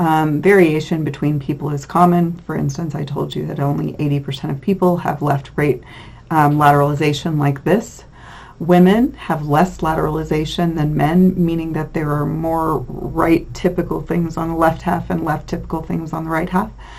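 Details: Adult lecturer; normal speech.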